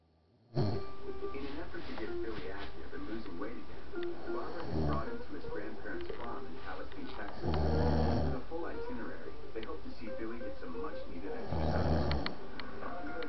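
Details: Deep, rumbling snores recurring every few seconds over television sound and room noise; very loud snoring during sleep.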